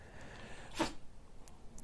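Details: A single short, sharp sneeze from a pet ferret lying down while its neck is scratched, with faint room noise before and after.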